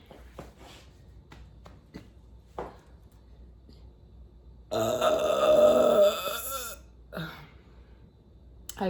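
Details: Person burping: one long, loud, voiced belch over a second, with soft clicks and quiet room noise, afterwards saying they feel much better; burping.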